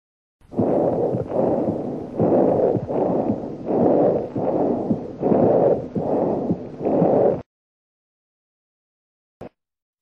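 Loud, harsh, hollow blowing breath sounds on both inspiration and expiration, typical of bronchial breathing.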